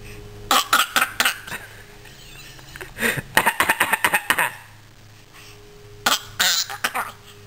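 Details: Coughing used to communicate, followed by laughter: three clusters of short, sharp dry coughs and throat-clearing bursts with quiet gaps between.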